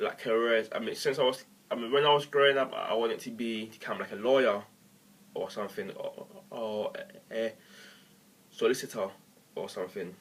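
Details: Adult male who has stammered as long as he can remember, finds words beginning with 'e' hard, and uses techniques, pauses and word substitution; stuttering.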